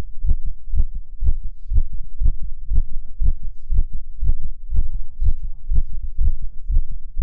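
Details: Strong, steady low thumps at about 120 beats a minute; a fast heartbeat from a male, recorded for ASMR.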